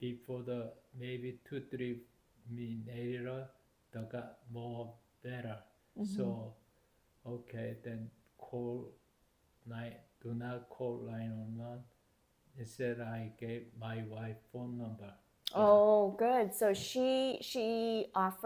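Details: Adult man with aphasia due to stroke, with trouble speaking and collecting his thoughts and needing extra time to respond; aphasia.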